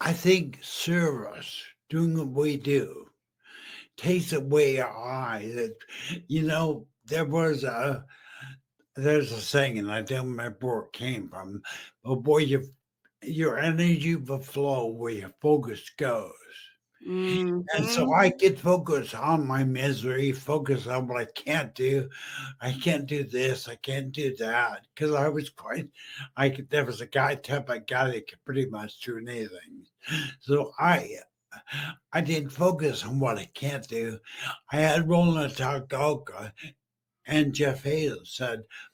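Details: Adult male stroke survivor with brain injury, previously mute, in a wheelchair for about 15 years, with an ongoing speech deficit; aphasia after stroke.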